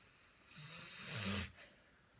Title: Another video of Bruce the Labrador's loud snoring